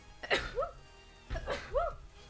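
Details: Streamer sneezing repeatedly while live-streaming gameplay: two quick bursts, each a sharp breath followed by a voiced exclamation; repeated sneezing.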